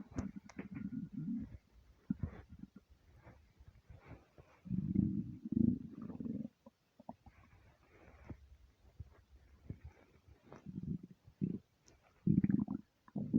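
Low gurgling, rumbling bursts come and go from an empty stomach: ordinary bowel sounds of hunger.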